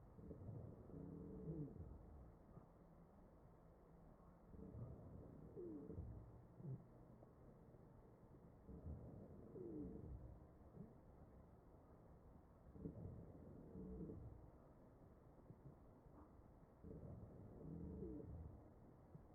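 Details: Wheezing in a real mechanically ventilated patient, recorded over the chest.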